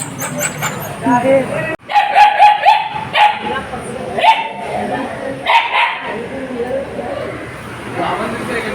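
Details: Dog named Lucky at a veterinary hospital for an injection, frightened after the owner left it tied up: repeated high yelping barks and whimpers, with people talking in the background.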